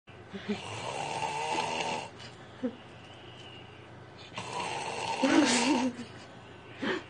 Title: When you find that dino-snore